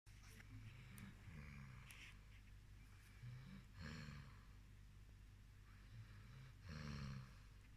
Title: Rescue dog Nala snoring.